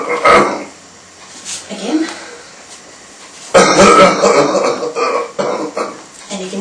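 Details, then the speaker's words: Assisted cough in a man with C4 quadriplegia, left hemidiaphragm paralysis, recovering from pneumonia, lying supine in bed; weak effortful wet rattly coughs as chest compressions with a shake move secretions slowly upward over several cycles. "he's got some SE equations that are moving up slow there and they'll come in a little while just takes a few Cycles sometimes to shift the secretions all the way up"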